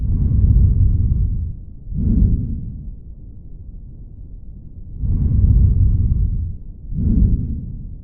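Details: Vesicular breath sounds heard on chest auscultation with a stethoscope during a consented live-patient teaching demonstration of normal air entry.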